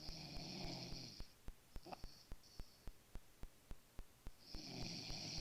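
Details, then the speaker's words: Low rumbling snore on inhalation with a fainter breath sound and repeated sharp ticking clicks throughout, from a male sleeper; snoring during sleep. "snoring."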